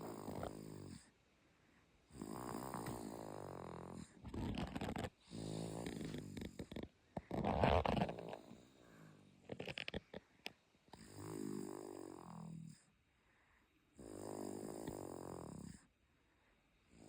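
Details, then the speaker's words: A sleeping person snores very loudly, with rough, buzzing breaths about a second long repeating with pauses between them: heavy snoring. "इतनी जोरजोर से snoring हो रही है।"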